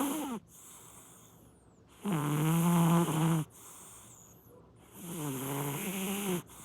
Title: Cat snoring